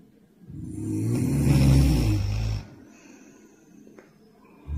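One long, deep, rattling snore on breathing in, then quiet breathing with faint room noise.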